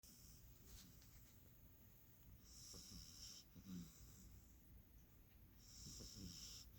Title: Stella snoring and Dusty being a perfect cat as always.